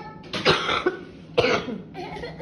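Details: Adult woman unwell for some time with a cough that won't clear: two short, harsh cough bursts, then a softer breathy sound, in a quiet room; persistent cough.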